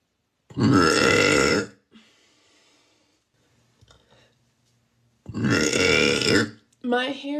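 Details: Woman burping: two long, loud, voiced belches with a quiet gap between, then a brief vocal sound.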